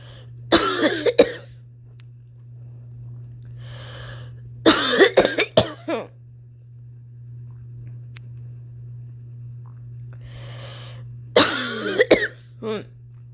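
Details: Three bouts of harsh, repeated coughing, each preceded by an audible breath in: an adult performer's long-standing cough, thought to be allergy-related, with asthma suspected and a family history of asthma.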